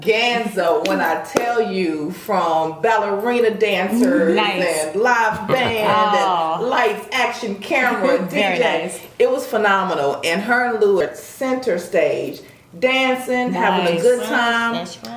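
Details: Adult woman speaking; normal speech.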